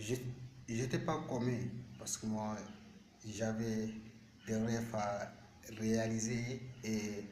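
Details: Male speaker with stuttering since age 7; stuttering.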